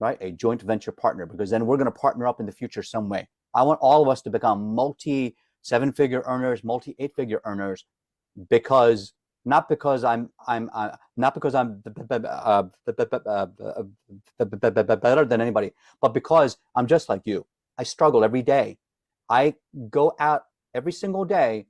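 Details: Adult man who calls himself a stutterer and says singing lets him hide his stuttering; some word repetitions audible; stuttering.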